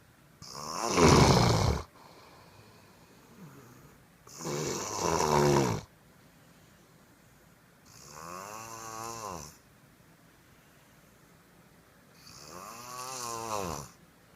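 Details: Four loud, rattling snores about every four seconds, roughly 15 a minute, with quiet pauses between: snoring.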